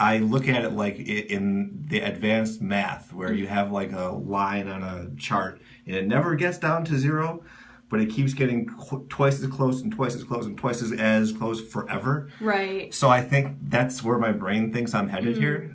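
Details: Adult man who stutters, now openly stuttering and working toward accepting it; stuttering.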